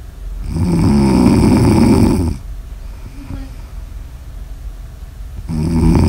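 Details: Two loud, vibrating snores on the in-breath with a quiet pause between; heavy sleep snoring recorded for ASMR.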